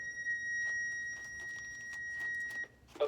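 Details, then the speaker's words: Training demonstration of AED use on an infant victim with no infant or child pads: after 911 is called, the AED is switched on, giving a steady electronic power-on tone of about two and a half seconds. "so step one is make sure 911 one's been called hey you call them um one step two in this case is turn on the AED"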